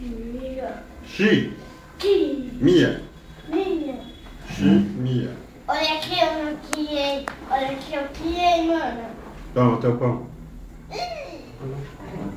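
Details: Young child (about 4 years), with an adult voice briefly; Speech of a child with profound deafness using a cochlear implant.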